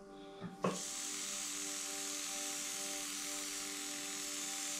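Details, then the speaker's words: A click, then steady high-pitched whirring hum: M4 Safety reciprocating endodontic handpiece raised in speed, driving a precurved size 8 manual file in a mesiobuccal canal of an extracted tooth. "Ok, si ça n'avance plus, on va voir, je vais peut-être un petit peu augmenter la vitesse. On va mettre 5000 tours par seconde. Ça, c'est déjà beaucoup plus rapide."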